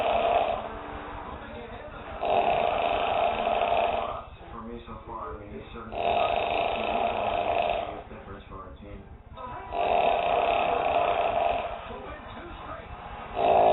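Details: Man asleep on a couch, a habitually loud snorer: loud, harsh, rumbling snores every three to four seconds, roughly 17 a minute, with noisy breathing between.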